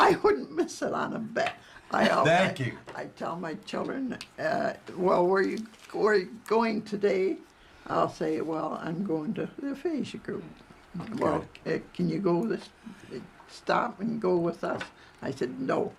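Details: Adult male stroke survivor with post-stroke aphasia, with very limited words and repeated, broken words; aphasia.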